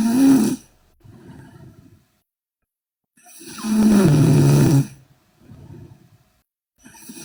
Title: Sleeping Korean Girl Loud Snoring